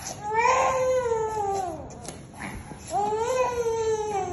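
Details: Loud, high, wailing cries with brief pauses for breath from an infant with a first fever, cough and cold, during nasal mucus suctioning; infant crying.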